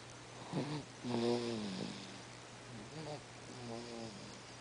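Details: Baby making noise while sleeping: soft squeaky, grunting vocal noises with each breath over a low steady hum; noisy infant breathing during sleep.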